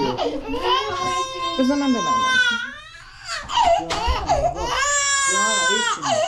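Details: Six-month-old (24-week) baby girl crying after receiving three vaccination shots in the same visit: loud, high-pitched, sustained wailing with brief pauses for breath; infant cry in pain.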